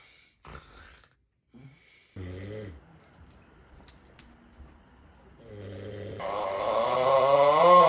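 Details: Short, buzzy, snorting snores that build into a long, loud, rising rattle; snoring.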